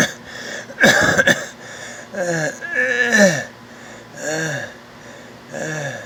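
Harsh, high-pitched, musical breath sounds recur with each breath, some rising and falling in pitch, after a brief louder noisy burst early on. This is stridor, the noise of air forced through a narrowed upper airway.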